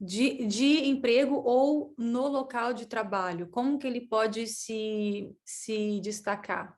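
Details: Woman who says she stutters, speaking Portuguese; stuttering.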